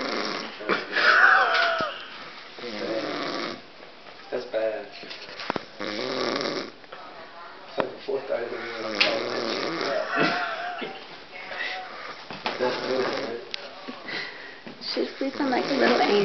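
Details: Sleeping person snoring while people nearby talk and laugh: rough, rattling snores heard through overlapping speech and laughter; ordinary snoring.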